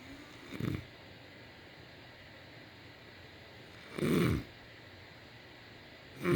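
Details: Male snoring: loud, low rattling snores separated by quiet pauses, about three breaths in six seconds, over steady room noise.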